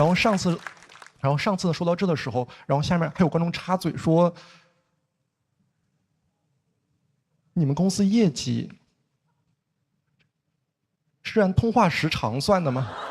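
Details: Stuttering in a stand-up comedian who stutters, performing a comedy routine on stage.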